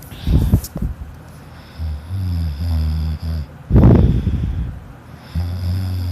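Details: Child snoring loudly during sleep, filmed by a sister: low, rattling, droning breathing noises with a loud snorting burst.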